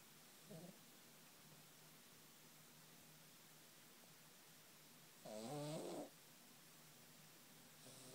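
Quiet room with a soft snort and one louder, rough snore from a sleeping cat; ordinary snoring.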